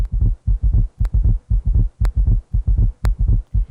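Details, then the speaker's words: Summation gallop in a patient with both S3 and S4: rapid galloping heartbeat with clustered low thuds each cycle. "In a patient with S3 and S4 heart sounds, you'll hear a summation gallop."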